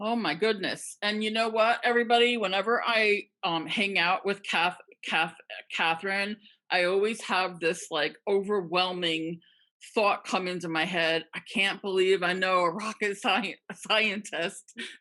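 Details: Adult woman who stutters, with sound and part-word repetitions: stuttering.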